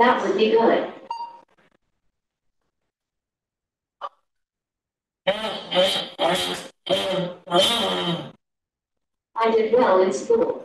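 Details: Woman with slowly progressive bulbar ALS, extremely dysarthric, attempting prompted phrases while an intracortical brain-machine interface decodes her attempted speech; dysarthria.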